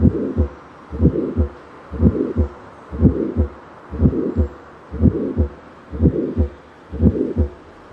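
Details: Mitral valve prolapse heard at the apical (mitral) area: regular heartbeat at about 60 a minute with a mid-systolic click and a soft late-systolic regurgitant murmur.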